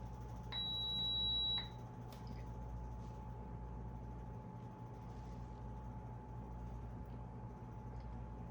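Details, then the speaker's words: Single electronic start-up tone about a second long, then steady low hum in a quiet room, as a Fisher & Paykel Airvo 2 high-flow nasal cannula humidifier is powered on via the top power button. "Power cord. Plug it into the outlet. And we are ready to turn it on. Power button here on the top."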